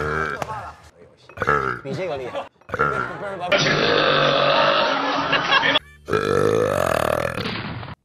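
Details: Adult man performing long, loud, drawn-out voluntary burps between bursts of talk, with music and crowd sounds in the background.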